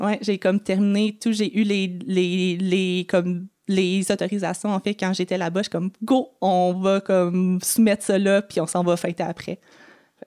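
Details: Adult woman who has stuttered since age 6 and had about 4–5 speech therapy courses; she says one other family member also stutters; real, natural conversational speech showing stuttering.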